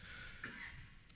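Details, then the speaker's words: Cough from an adult conference speaker with a recent illness and weakened voice, describing incessant coughing while presenting through amplification; cough. "so please apologize but please excuse me for my slightly weaker voice I hope you can hear me with the amplification and my incessant coughing"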